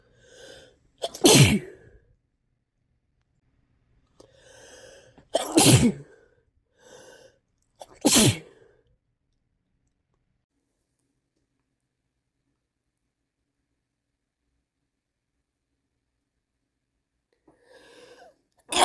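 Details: Sneezing from a cold, possibly male: three loud sneezes, each preceded by a gasping intake, then a long quiet stretch and the start of another.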